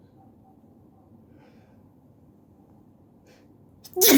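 Quiet room, then a quick inhale and one loud, explosive sneeze at the end; a single ordinary sneeze.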